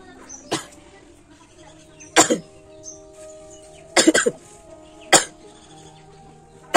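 About four sharp, explosive bursts in seven seconds, one a quick double, over faint background music: coughing.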